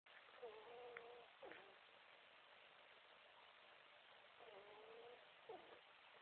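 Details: Ferret snoring.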